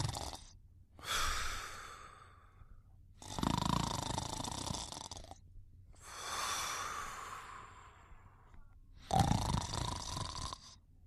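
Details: Soft snoring during sleep: slow alternating breaths with rough rattly inhalations and airy hissing exhalations, about five breaths in eleven seconds.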